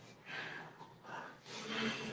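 Soft airy breathing whooshes in quick succession, an example of normal breath sounds heard with a stethoscope.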